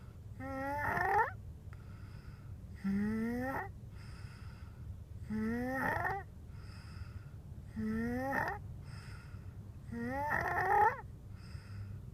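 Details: Snoring away: five rhythmic snorting, rattling snores roughly every two and a half seconds, about 25 a minute, each rising in pitch.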